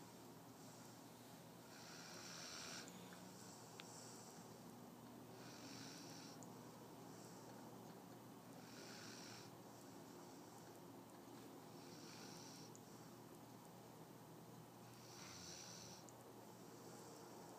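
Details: A puppy named Milo snores hard in sleep, with repeated hissy, whistling snores at about 15 breaths a minute over room hum.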